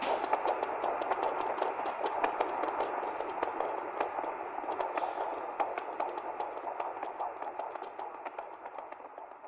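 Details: Rapid, regular whooshing pulses at about 150 per minute over steady hiss; fetal heartbeat heard during a 4D ultrasound at 28 weeks (7 months) of pregnancy, within the normal range.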